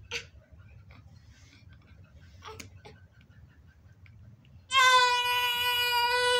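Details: Newborn baby boy just after birth: quiet room with brief snuffles, then a strong, high-pitched sustained cry; newborn's first cry.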